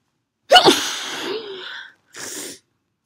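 One forceful, explosive sneeze with a trailing exhaled hiss, then a short breathy aftersound; a perfume-triggered sneeze.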